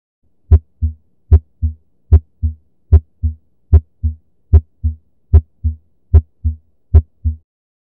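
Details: Routine examination, real heart sounds: regular heartbeat about 75/min with crisp first and second sounds and nothing between them, normal heart sounds.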